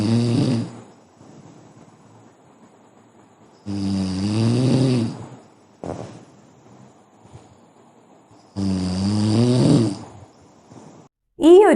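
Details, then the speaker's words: Snoring audio recorded by a partner and brought to an ENT clinic: loud, low rattling snores at steady intervals of about 13 a minute, with quiet breathing between them. "കൂർക്കം വലിയ ഉള്ള പലരും ഇപ്പോൾ ഓപിയിൽ കാണിക്കാൻ വരുമ്പോൾ അവരുടെ partners കൂർക്കം വലിക്കുന്നതിന്റെ ഓഡിയോയോ വീഡിയോയോ ഒക്കെ കൊണ്ടുവരാറുണ്ട്"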